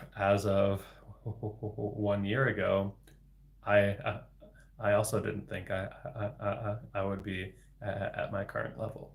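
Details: Adult man with developmental stuttering including word repetitions, speaking live in a solo livestream; stuttering.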